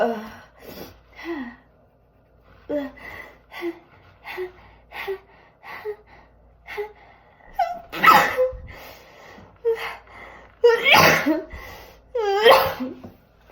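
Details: Person with worst-ever allergies: run of short breathy gasps and sniffs building up, then about three forceful high-pitched sneezes, in a small room; sneezing.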